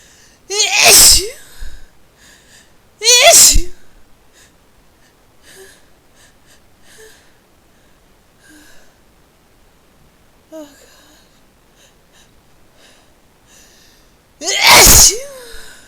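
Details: Three loud, forceful, explosive sneezes, each with a sharp intake before it, separated by quiet breathing, triggered by a new spice; sneezing.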